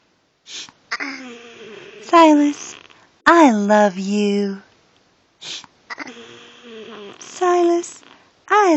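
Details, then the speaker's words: Hiccups in a person wearing a speaking valve, which forces breath out through the mouth so each hiccup becomes voiced: sudden voiced catches and short vocal sounds between quiet stretches. "I think he's funny with his speaker valve on in the hiccups because it forces him to breathe out through his mouth which makes him talk and he thinks it's actually humorous because he's kind of smiley"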